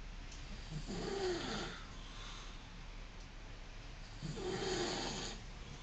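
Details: Two slow rattling snores with a breathy noise, several seconds apart, over quiet room hiss; snoring.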